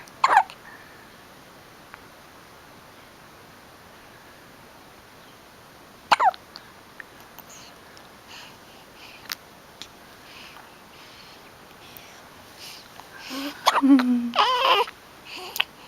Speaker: the hiccups, baby. You look like you're not sure what to do.